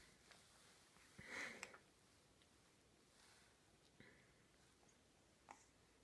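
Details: Sneeze after a morning stretch: one short, soft sneeze followed by faint sniffs in a quiet room.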